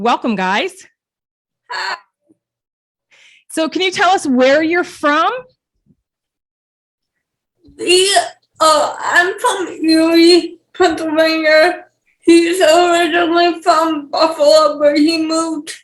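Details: 28-year-old woman with cerebral palsy and speech issues; dysarthria due to cerebral palsy.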